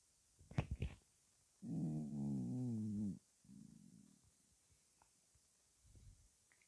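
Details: Bowel sounds (borborygmi): low gurgling rumbles and a drawn-out groaning tone from the belly; the person describes the stomach noises as weird.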